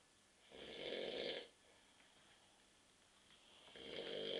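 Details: Adult man snoring asleep on a sofa at night after drinking many beers: two harsh, rasping snores about three seconds apart, each on an in-breath, with quiet pauses between.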